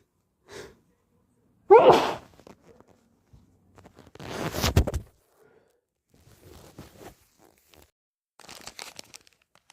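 A strong, wet, deliberately induced sneeze, then a long nose blow into a tissue and some rustling; hay fever sneezing.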